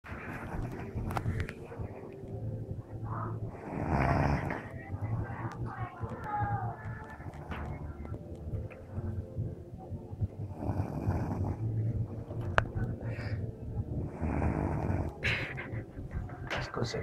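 Rough, rattling snore bursts from a sleeping adult, repeating over a low steady background rumble.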